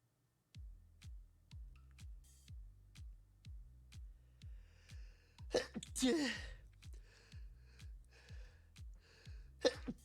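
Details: Over a steady electronic beat, a gasp leads into a sneeze, then another sneeze near the end; a short sneeze fit, stifled, in a person who says they are allergic to something.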